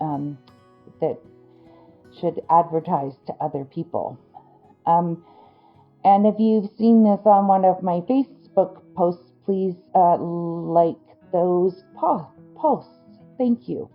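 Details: Adult woman with Broca's (non-fluent) aphasia after a stroke that injured the Broca region of her brain, with word-finding difficulty and sound substitutions; her comprehension is intact.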